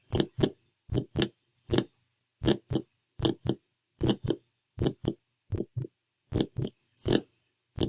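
Crisp, regular lub-dub pairs at about 77 beats a minute with no extra sounds, heard at Erb's point in a simulated exam: normal heart sounds.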